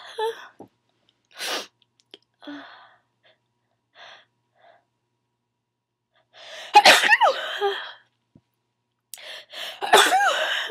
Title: Always Sneezing